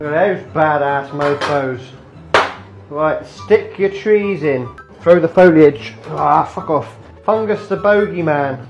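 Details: Person with Tourette syndrome speaking with vocal tics while cooking, with background music; vocal tics.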